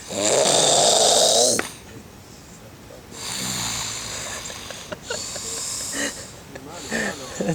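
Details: Loud, harsh snorting snore followed by softer snuffling breaths with clicks and faint room sounds; snoring.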